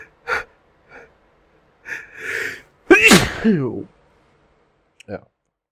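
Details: A single sneeze triggered by sniffing Creole seasoning, after about two minutes of build-up: several catching breaths lead to one loud sneeze ending in a voiced call, then a small sound.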